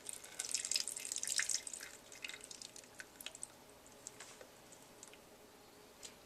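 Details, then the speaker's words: Nursing assistant draining a patient's urinary catheter drainage bag into a graduated cylinder after opening the clamp: trickling, splashing urine that slows to scattered drips as the bag is emptied. "once i do that urine will start flowing as i let go of the clamp and i may have to move the bag around just a little bit and i want to drain that urine until the bag is completely empty"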